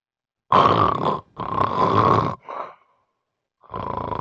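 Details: Loud, rough, rattling snores from a narrowed upper airway in a sleeper with severe obstructive sleep apnea.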